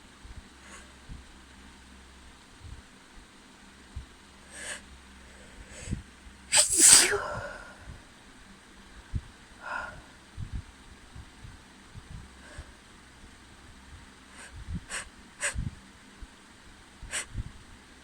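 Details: Woman with cat allergy sneezing around a friend's cat, fan running in background: one loud, explosive sneeze among quiet sniffs and breaths; allergic sneezing.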